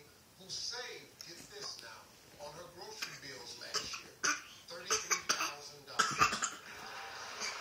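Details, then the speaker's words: Imitated (fake) cough that sounds bad, with an onlooker asking whether she is okay and needs water. "oh no clear that's a bad coffee you have are you okay do you need some water kalia that cough is so bad kalia are you okay are you okay"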